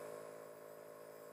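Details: Nebulizer compressor running while used for a baby with cough and cold, held upright on the lap with a mask: a steady mechanical hum and whir, with no breathing or crying heard.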